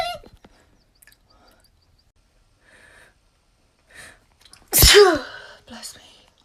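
One loud, sharp sneeze breaks a quiet room, with a brief soft breath or voice sound just after.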